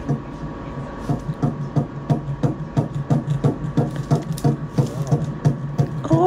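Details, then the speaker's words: Fetal heartbeat at 8 weeks 1 day on a first pregnancy ultrasound: rapid regular whooshing thumps at about 175 per minute, a normal early fetal heartbeat. "bueno ustedes escucharon el corazoncito del bebé tenemos ocho semanas y un día y Natasha tiene 8 semanas y dos días"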